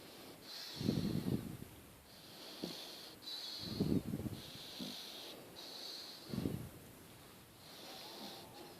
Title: Fonseca The Pug - Snoring